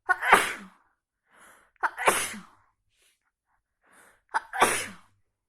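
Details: Big sneezes: three loud sneezes, each with a short in-breath before a forceful burst, spaced about two seconds apart in a quiet room; sneezing.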